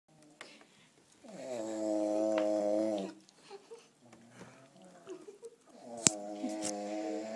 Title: Pelota roncando